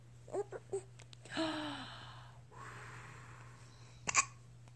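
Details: Hiccups: a few short, abrupt hiccup sounds, then breathy noise and one sharp hiccup, over a steady hum.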